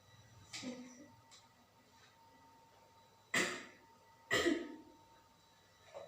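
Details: Simulated nursing practical-exam demonstration of effective cough training for an adult woman coughing all night: quiet deep breathing then two firm single coughs to help bring up phlegm; controlled cough technique.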